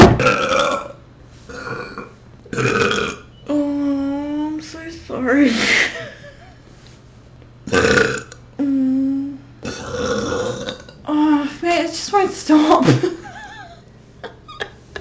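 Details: Several long, loud, voiced belches, some drawn out, with short breaks and brief laughter between them; burping.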